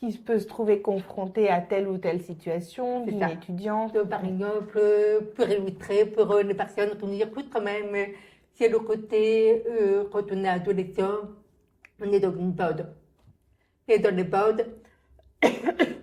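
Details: Deaf speech in French from an adult woman born profoundly deaf who had thousands of hours of speech therapy from childhood and lip-reads; real speech.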